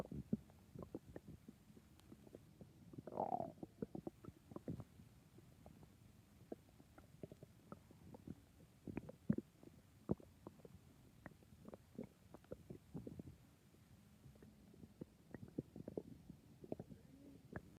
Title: My tummy growling loudly #hunger #stomach #growling #hungry